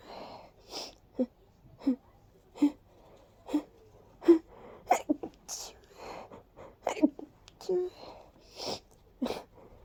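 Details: Person with severe allergies, feeling light-headed after: a rapid run of about a dozen small, breathy sneezes in quick succession in a quiet room.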